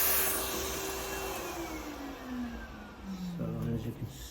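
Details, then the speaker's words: Rotary burr grinding down a deep-seated corn on the tip of a hammer toe, with callus and a hard thickened nail, after nail trimming; the corn is not painful. Steady whine drops in pitch as the burr loads against tissue. "so cut the nail a little bit more and then I'm going to grind all this down really well and that they should take care of it"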